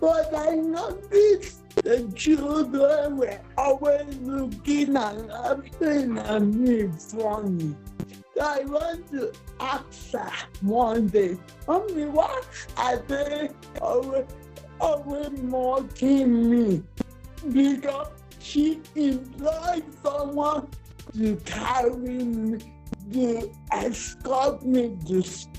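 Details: Dysarthria in a 47-year-old woman with cerebral palsy, which presents through her speech.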